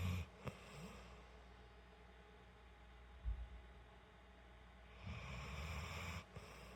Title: Cleveland (A1043271 at Contra Costa Animal Shelter) gently snoring while napping on my couch.